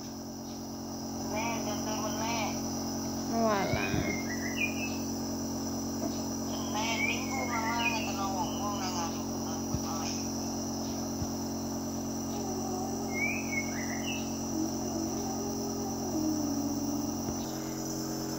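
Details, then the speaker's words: Child with a cough and phlegm given prescribed nebulized medicine at home, calmly inhaling the mist: steady low mechanical hum of a running compressor nebulizer, birds or insects in background; finding: nebulizer running. "nebul itu keluar asap m obatnya dimasukin ke sini asapnya dihirup"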